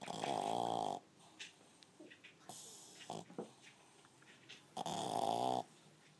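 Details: French bulldog snoring: loud, buzzing, whistly snores with soft snorts and sniffs between them, about three breaths over six seconds.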